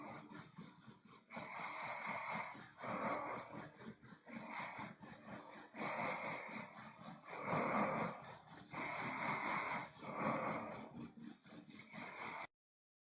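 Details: Adult man asleep snoring with mouth closed: loud rasping nasal snores on each breath, through the nose, about 10 breaths a minute; snoring during sleep.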